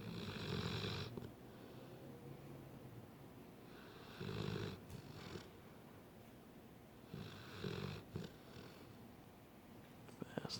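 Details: Lazy, resting sleeper snoring; snoring.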